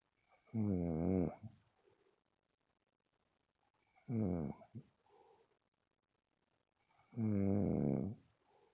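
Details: Snoring in sleep: three loud, rumbling snores about three seconds apart, roughly 19 a minute, with quiet breaths between.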